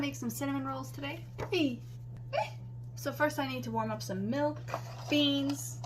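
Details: Adult speaker; Vocal tics (Tourette syndrome).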